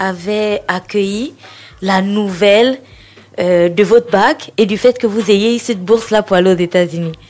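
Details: Adult woman; typical speech.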